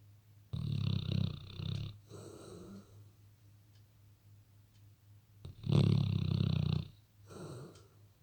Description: Just a Labrador snoring